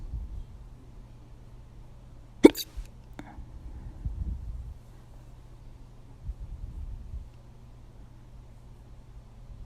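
Two sharp, abrupt hiccup sounds a second apart in a quiet room, with faint murmuring afterward.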